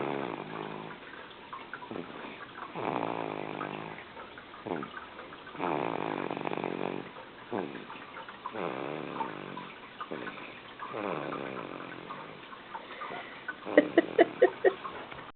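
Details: Loud snoring during sleep: repeated low, rough snoring breaths roughly every two to three seconds, with a few sharp clicks near the end.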